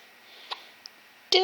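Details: Hiccups in a 1-week-old baby boy, his first time having them; they sound like a little frog.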